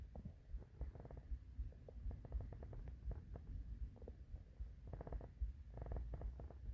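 Low, irregular gurgling and rumbling with bubbly clusters over a steady low hum; ordinary hunger stomach growling.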